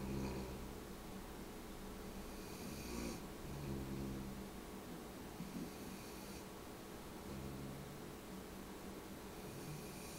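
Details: Snoring during sleep in a chair by the living-room windows: low, rumbling snores in a steady rhythm, about three breath cycles in ten seconds, over quiet room noise.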